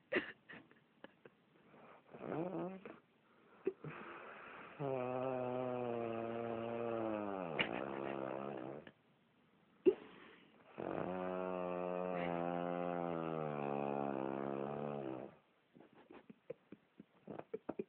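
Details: Real, unedited recording of snoring during sleep: two long, buzzing, tonal snores with quiet pauses and small snuffles between them.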